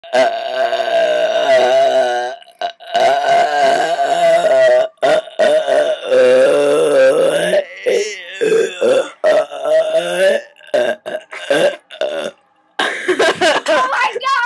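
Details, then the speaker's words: Male friend burping deliberately: a run of long, drawn-out, voiced belches, one after another, with short breaks between them. "God okay is amazing at burping and he might he he might just be better than me but that might not okay thanks more burping videos to come"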